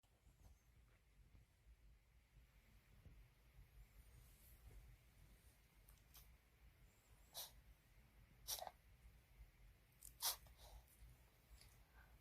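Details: Dog sneezing: several short, sharp nasal sneezes over steady background hiss.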